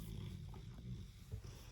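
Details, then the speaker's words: Snoring in the background while a woman talks to camera. "Poop is so bored by this subject, just so you know, you can hear it snoring."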